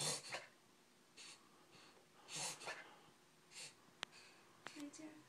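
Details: Puggle with occasional breathing problems: quiet, irregular snorting and sniffing breaths with sharp clicks, about 26 a minute; snorting breathing episode.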